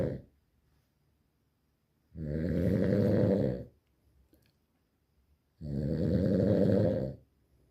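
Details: Loud, low, buzzing snores on each in-breath, roughly 18 a minute, with silence between; snoring.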